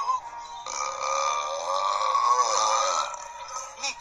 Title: burps compilation